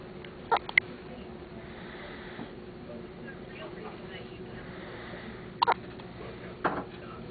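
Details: Newborn baby on his first evening after birth, with hiccups as he had in utero: brief, sharp catching sounds recurring a few seconds apart, about three in seven seconds, over steady background noise.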